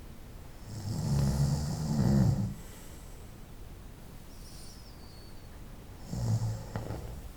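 Two deep, rumbling snores on breathing in, separated by a quiet pause, during night-time sleep.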